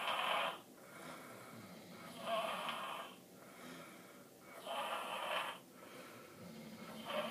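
Three harsh, hissing snores come in slow, fairly steady breaths, with quieter breathing between them.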